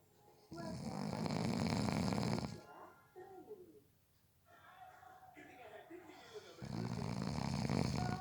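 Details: Person napping who fell asleep within 30 seconds: loud, rough snores on breathing in with quieter breathing between; snoring.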